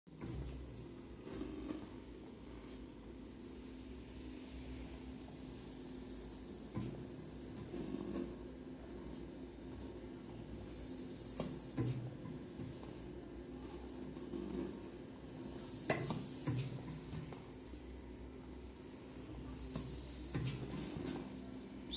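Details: Mechanical ventilator running with adjustable parameters: steady machine hum with regular hissing gas bursts about every five seconds.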